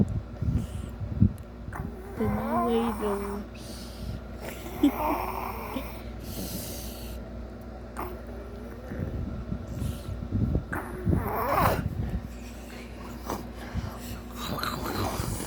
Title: pig snoring